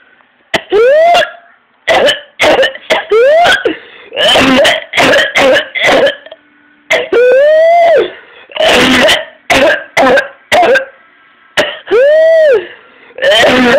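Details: 14-year-old with paroxysmal cough: rapid runs of harsh coughs, each broken by a long, high-pitched crowing inspiratory whoop; coughs until vomiting, turning blue/red and fainting.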